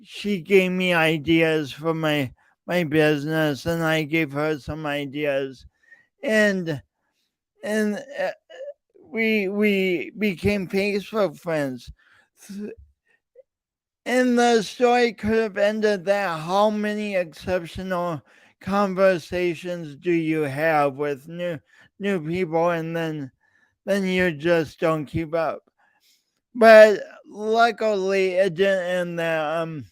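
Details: Lifelong speech impediment with coordination differences in an adult podcast host speaking about his own condition; real, disfluent speech.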